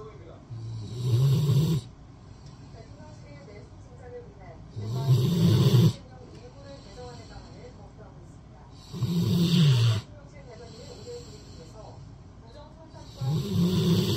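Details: Rottweiler dog asleep with head on an arm, loud low rumbling snores about every four seconds, roughly 15 a minute, with quiet exhalations between: snoring.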